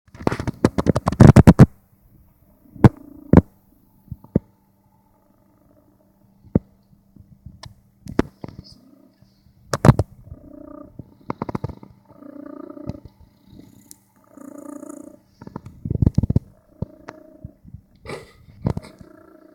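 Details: Soft, low, rhythmic snuffling snores from a sleeping cat, broken by clicks and handling noises.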